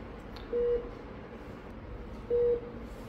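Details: Two short, identical key-press beeps from a refurbished Philips IntelliVue MP70 patient monitor while its screen buttons are being demonstrated, over quiet room noise.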